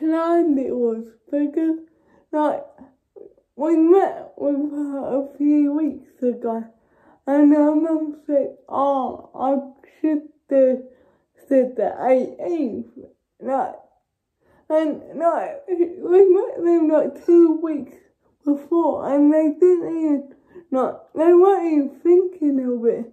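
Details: Young woman with cerebral palsy: dysarthric speech in cerebral palsy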